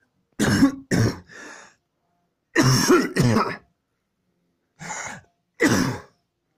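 Repeated harsh coughs with throat clearing, in clusters of two and three separated by pauses; about seven coughs, a coughing fit.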